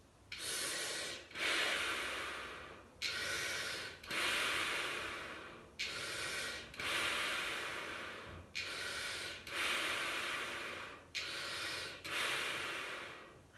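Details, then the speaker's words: Respiratory nurse demonstrating metered-dose inhaler use with a spacer: one puff, lips sealed around the spacer mouthpiece, then about five slow, steady, controlled airy breaths in and out, roughly 22 a minute, filling the lungs. This is correct spacer breathing technique. "So 1 puff of your inhaler to 5 lovely, slow, measured, controlled breaths."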